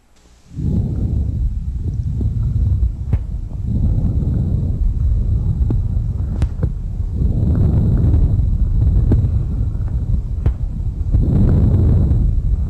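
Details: Normal bronchovesicular breath sounds, heard over the manubrium, infraclavicular regions and posterior interscapular area, especially on the right: soft, low breathing cycles with inspiration and expiration about equal in length.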